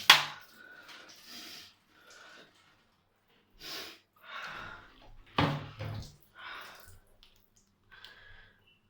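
A child's coughs: two sharp explosive bursts, plus several softer breathy hacks in between, in a quiet small room.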